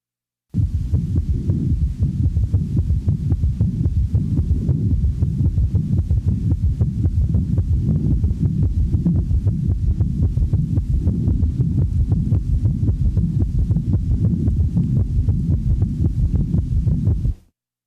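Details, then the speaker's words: Third heart sound (S3 gallop) in a patient with congestive heart failure: rapid low-pitched heartbeat near 113 a minute, giving three sounds per cycle, with a low-frequency sound in early diastole just after S2. "the following example demonstrates an s3 in a patient manifesting congestive heart failure since the heart rate is rapid one of the first compensatory mechanisms of failure one has the impression that there are three sounds with each cardiac"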